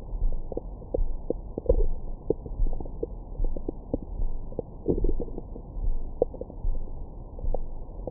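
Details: Belly recorded with a Stemoscope stethoscope microphone after a large meal: soft gurgles with brief squeaky bursts over a low steady rumble. Ordinary bowel sounds of stomach growling.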